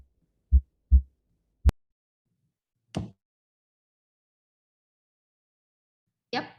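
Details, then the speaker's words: Normal heart sounds: two low thumps, lub then dub, the first from atrioventricular valve closure and the second from aortic valve closure, followed by scattered clicks. "as you can listen in this part we have two sounds closing of the a fee and then closing every aortic arm"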